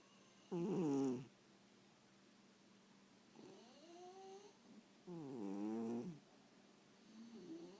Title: snoring cat and dog